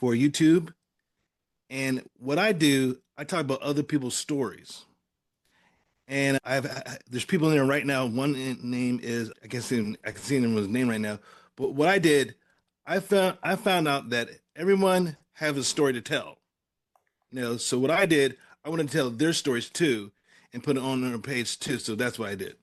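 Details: Adult male stroke survivor with post-stroke aphasia; aphasia.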